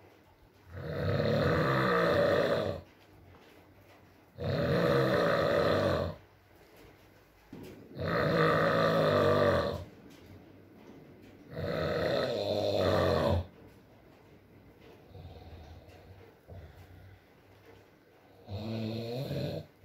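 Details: Sleeping adult man: loud rattling snores on each in-breath, about 17 a minute, separated by quiet exhalations, with faint rain in the background in an ASMR recording; snoring.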